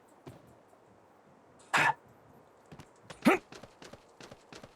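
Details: Gamer coughing while playing Apex Legends: two short dry coughs over quiet background noise with faint clicking.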